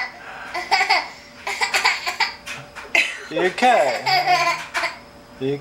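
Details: Young child pretend coughing in play: short, breathy, cough-like bursts, then giggling and babbling.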